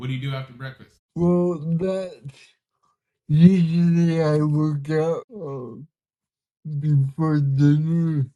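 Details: Dysarthria from cerebral palsy in a 32-year-old man, a bodybuilder and artist; listeners say he is hard to understand at first and that communicating is sometimes hard for him; real, not acted.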